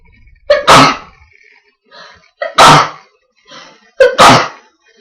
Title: sneezing with friend